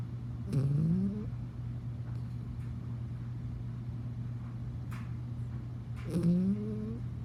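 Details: Yorkie (Yorkshire Terrier) who doesn't usually snore, asleep: two high, squeaky whistling snores about six seconds apart over a steady low hum; dog snoring.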